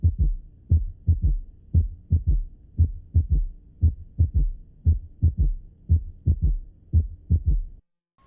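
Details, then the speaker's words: Auscultation tutorial, physiological third heart sound in diastole, low-pitched and easiest with the stethoscope bell: regular heartbeat near 58 per minute with a soft, low extra sound after the second sound; physiological S3. "escuchemos ahora un tercer ruido fisiológico como es un sonido que se produce en diástole es un sonido grave lo encontrará más fácilmente con la campana de su"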